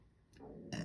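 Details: Adult speaker, mid-talk, gives a brief, low, rumbling short burp, a normal release of swallowed air; the speaker mentions having had breakfast not long before and a noisy stomach.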